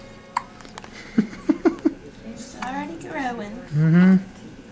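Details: Infant girl's first case of hiccups while loosely swaddled: four quick, sharp hiccups, then cooing and vocal sounds, with adult voices in the room.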